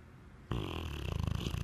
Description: Diesel 8month old 80lb pitbull snoring like a grown man